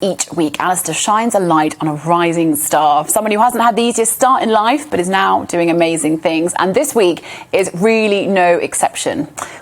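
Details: Adult woman presenter; Normal fluent speech.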